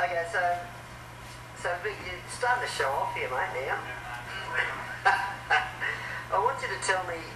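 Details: Adult male speaker; typical speech.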